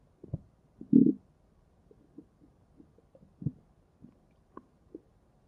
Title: Stomach Growling V4